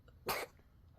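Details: Dog coughing, possibly throwing up as the owner wonders: one short, harsh, husky burst like a cough or throat clear.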